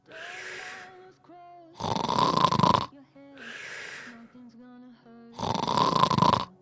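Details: Acted, simulated snoring in an adjustable-bed advert: loud, rattling snores alternating with softer breathy breaths over light music.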